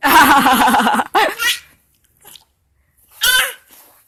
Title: bayi ketawa sampai batuk